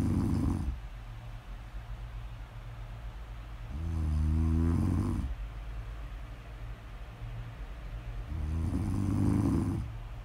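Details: A person asleep, recorded as snore-audio ASMR: regular, low, vibrating snores repeating every few seconds, some with a buzzing, rattling quality; snoring.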